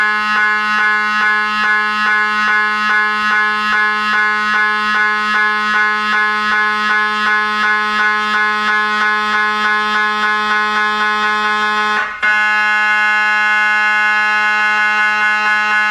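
Loud, steady electronic buzzing with rapid regular pulsing, briefly interrupted, then resuming as a constant tone: typical MRI scanner noise.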